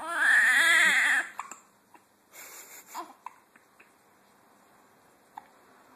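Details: Two-week-old baby boy with hiccups gives a brief wavering cry, then settles into soft whimpers and small catching sounds: infant cry.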